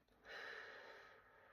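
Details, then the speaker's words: Normal breath sounds heard anteriorly during a head-to-toe assessment: one deep, smooth breath through the mouth with fluent airflow and no wheezes or crackles. "So, it sounds like air is moving very fluently through his um all of his lungs. I hear no advantageous breath sounds um wheezing, crackles, rails, anything like that."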